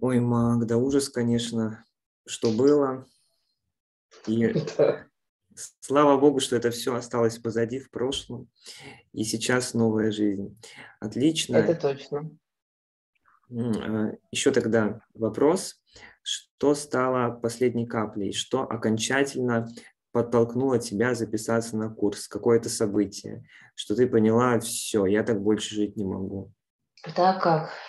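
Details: Adult male speaker, Russian; normal speech.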